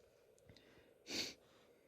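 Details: A single sharp, explosive burst of air after a faint intake of breath; a sneeze.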